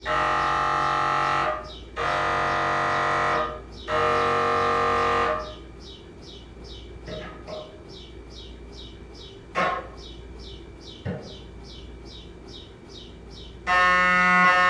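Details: MRI scanner during an examination, where the patient wears music headphones to muffle the noise: loud, steady electronic buzzing alternating with rapid rhythmic chirping pulses made by the gradient coils.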